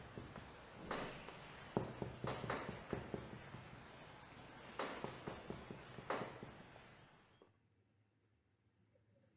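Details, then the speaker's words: Percussion of the chest in a pleural effusion, compared on both sides: a resonant note above, then a dull note lower down as the percussion moves downward to find the level of dullness. "هنا كمان، هنا بقى بيقول لك ان الحاله دي فيها بلورال افيوجن مثلا، فهتسمع الريزونانت من فوق، وبعد كده هو نازل هيلاقي ايه؟ هيلاقي الضلس."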